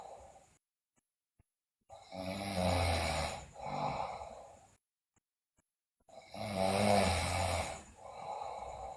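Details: A sleeping girl snoring loudly, with bruxism and delirium also noted: harsh inspiratory snores, each followed by a softer exhalation, about four seconds apart.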